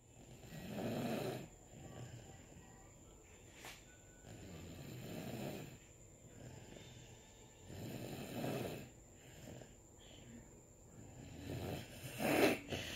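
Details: Sleeping person recorded in 2019: soft, low rattling snores on each breath in, about 18 a minute, with quiet gaps between them; ordinary snoring.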